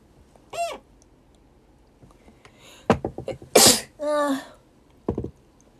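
Several brief sneezes with a sharp burst of air and voiced 'achoo' sounds in a quiet room; ordinary sneezing.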